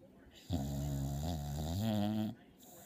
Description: Remi sawing logs!